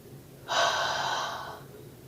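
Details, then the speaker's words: One steady, breathy open-mouth huff of about a second, a forced exhalation felt against the hand, demonstrated on request during a pulmonary rehabilitation coughing-manoeuvre return demonstration. "so place your hand over here in front okay so when you exhale you can feel the air on your hand okay so try"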